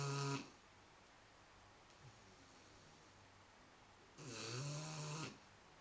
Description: Our 3 month old Shar Pei snoring while she snoozes on the sofa with our daughter